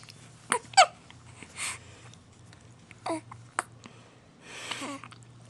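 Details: A 2-week-old baby boy with hiccups, who also sneezes: several brief, sharp hiccup sounds with soft baby noises in between, over a low room hum; ordinary infant hiccups.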